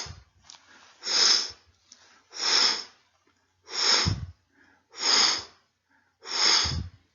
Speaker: la otra forma de soplo y entonces nuestro oído lo que va a oír es de menos a más o sea hoy este soplo suena así